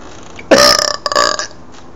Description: My neighbors hate me...I don't CARE. I was burping out the window and they were being MEAN.